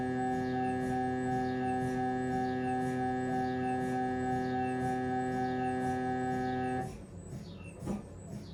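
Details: Siemens Magnetom Avanto head scan; loud steady electronic droning tone with rapid rhythmic pulsing, then a drop to quieter knocking: MRI scanner gradient noise.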